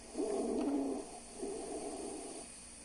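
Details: Stridor in a lung auscultation demonstration for respiratory physiotherapy: two harsh, coarse, low-pitched breathing noises.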